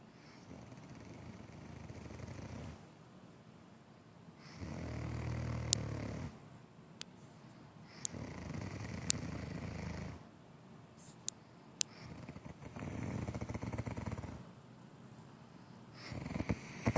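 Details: Mother snoring during sleep: steady, low, rumbling snores about every four seconds, roughly 14 breaths a minute.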